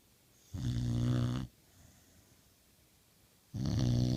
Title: Pit bull snoring